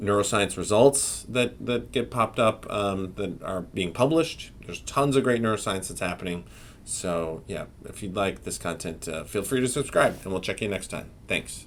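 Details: Adult male speaker; ordinary speech.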